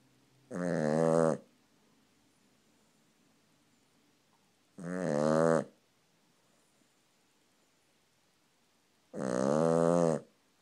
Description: My Cavalier King Charles Spaniel Sleeping on my leg and snoring.